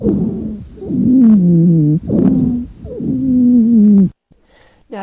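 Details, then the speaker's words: Wheeze, presented as an NCLEX teaching example: high-pitched, musical, whistling, relatively continuous sounds lasting over 200 ms, running through each breath and caused by airway narrowing and secretions. "let's talk about the wheeze these are high-pitched whistling sounds they are caused by airway narrowing and secretions so let's listen to a wheeze in the lung"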